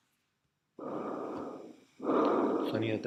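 Loud, harsh, hollow blowing breath sounds: one inhalation and one exhalation of similar length with a brief pause between, simulated over the trachea. Normal tracheal breath sounds.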